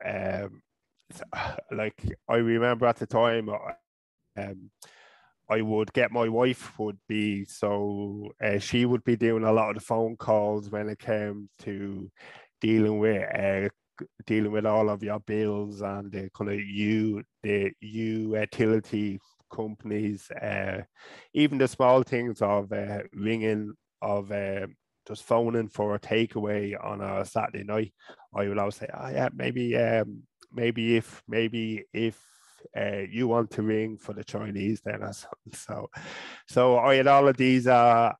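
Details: Adult man from Ireland who has stuttered since about age five or six, with blocks, avoidance, word substitution and filler words; he still stutters openly.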